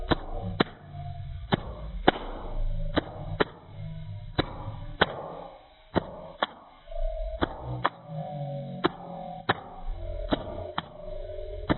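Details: Stomach noises from a grandfather, apparently aged 69: low rumbling with intermittent gurgles, squeaky tones and sharp clicks: bowel sounds (stomach gurgling).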